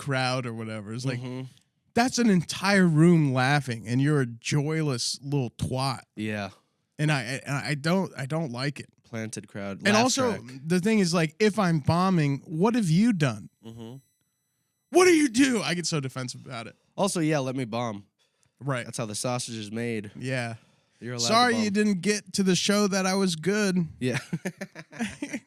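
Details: Adult men talking; ordinary conversational speech.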